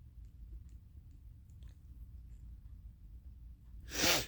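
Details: Nighttime allergy sneezing on third night, allergy pills not yet working, suspected allergen at equine-therapy ranch: quiet room noise, then one loud, explosive sneeze at the end; sneezing.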